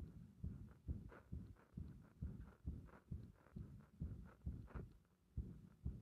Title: 心臓弾ける感覚の不整脈多発する圧迫心臓音動画